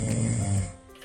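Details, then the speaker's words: Snoring recorded at home during sleep by a man whose snoring troubles his wife and whose apnea-like symptoms are worsening, leaving him unrefreshed on waking; he has a large tongue and excess tissue; single low, rattling snore that fades. "천 고객의 입안 모양을 살펴본 뒤 직접 녹음해 왔다는 코고리 소리를 신중하게 들어보는 꾼"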